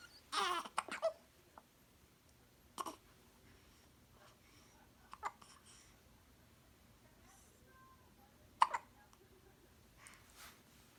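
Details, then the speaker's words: Person who confirms having the hiccups: several brief, sharp gulping hiccup sounds at irregular intervals in a quiet room, about five over eleven seconds; hiccups. "Do you have the hiccups? Uh-huh."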